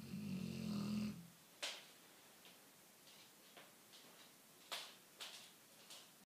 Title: sleeping snoring shar-pei's